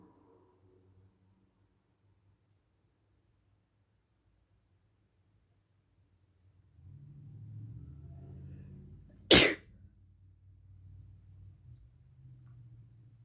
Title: Induced cold sneezes